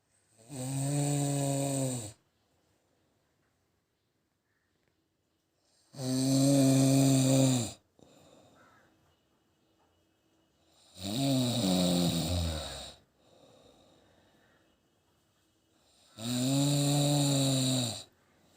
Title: #snoring #youtube #sleep